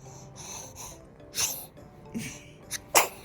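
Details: Two-month-old baby girl sneezing: two small, sharp sneezes with soft breathing sounds and background music.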